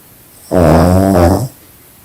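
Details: Sleeping pug snoring extremely loud: one loud, rumbling, buzzy inhaled snore lasting about a second; snoring.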